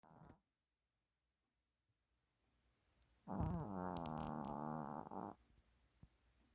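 A soft, brief snort followed by a longer, rattling, nasal snore from a sleeping puppy.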